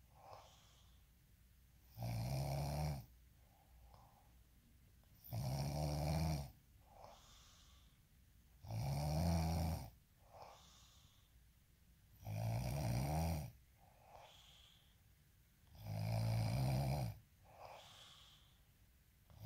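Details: Deep, rumbling snores on each in-breath, about 17 a minute, evenly spaced with quiet out-breaths between; steady sleep snoring.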